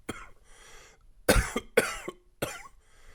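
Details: Wet chesty cough with some congestion from a current cold: four loose, rattly, mucus-laden coughs with breaths between.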